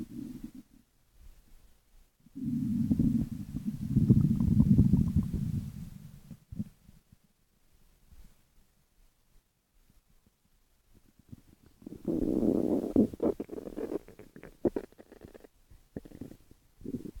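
Low gurgling rumbles in two long runs with quiet gaps: stomach growling, normal bowel sounds from gas and fluid moving through the gut.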